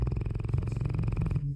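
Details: Giant dog snoring loudly while asleep, recorded in Germany, its lips flapping: a deep, rapid fluttering rumble as loose lips vibrate on each breath.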